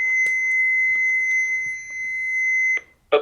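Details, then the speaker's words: Trainer AED switched on during CPR teaching: steady high electronic tone that stops abruptly, then a brief burst of sound before voice prompts to apply pads to patient's bare chest. "somebody brought you the AED right and it's going to I'll turn it on it's going to sound something like this"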